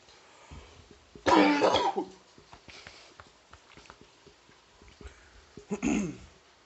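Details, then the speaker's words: Adult male, not sick but possibly congested with chest mucus, has a sudden minutes-long coughing fit outdoors: two loud, harsh, wet coughs with quieter throat noises and breaths between, clearing mucus. "I think I got some mucus or something that I had in my chest or something, and I think that bitch is trying to come out."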